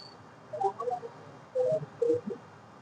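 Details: Normal bowel sounds auscultated with a stethoscope clockwise through the four abdominal quadrants, starting right lower quadrant, in a medical teaching demonstration.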